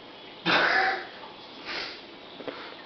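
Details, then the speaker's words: Repeated sneezing by a subject described as wasted, with cats mentioned nearby: one sharp, forceful burst of air, then a fainter second burst and small clicks in a quiet room; ordinary sneeze. "seriously, stop sneezing. What the fuck? Seriously, don't sneeze again, man. you're not allowed to sneeze ever again."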